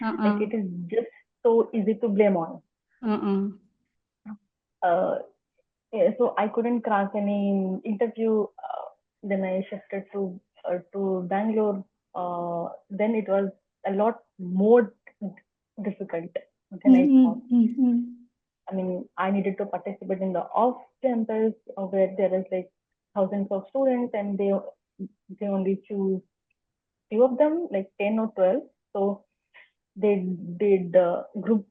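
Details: Adult woman who has stammered for as long as she can remember, speaking spontaneously in an interview; stuttering.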